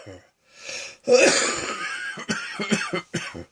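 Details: Afternoon bout of a wet, harsh cough, then a throaty rattle and short breathy coughs with a wheezy edge, in a person with chest congestion who feels their chest needs clearing; cough with wheezing.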